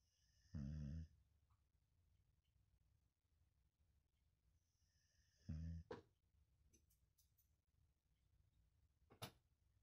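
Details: Snoring from a sleeping German Boxer dog: two loud, low, rattling snores about five seconds apart in a quiet room, typical of a short-nosed breed.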